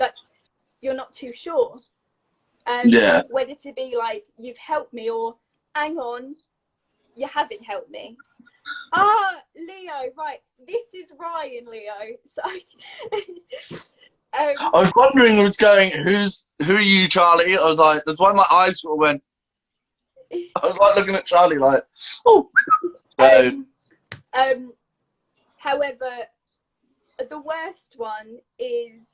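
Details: Adult woman with a stammer since age three, described as a neurological speech impediment, with blocks and repetitions; stammering (stuttering).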